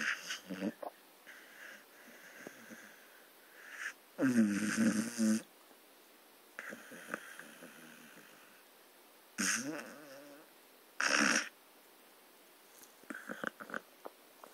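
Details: Irregular snorting, rattling snores with quieter breathing between them from Gunner, a sleeping Staffordshire Bull Terrier dog; ordinary dog snoring.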